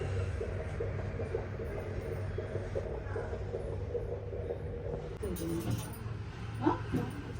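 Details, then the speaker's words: Fetal heartbeat on Doppler during a night hospital check of a pregnant woman with vomiting and tiredness after eating chicken: rapid, regular galloping whooshes; no problem found. "Baby heart beat check ಮಾಡ್ತಾ ಇದ್ದಾರೆ ನೋಡಿ ಕೇಳಿಸಕೊಳ್ಳಿ"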